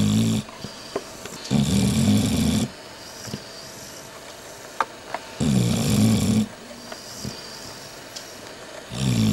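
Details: Heavy snoring: loud, rattling low snores on each breath in, with quiet pauses between, about 16 breaths a minute.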